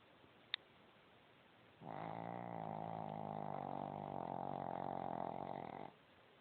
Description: Gizmo is worse than an old, plump man sleeping on his back. How can 1 little dog snore so loud??